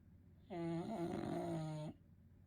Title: He Snores